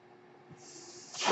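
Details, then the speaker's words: Real mechanical ventilator used by the speaker, audible while he talks during a podcast recording; the speaker identifies the noise as his ventilator; mechanical ventilator breath cycle. "hello everyone my name is that noise you're hearing is my ventilator"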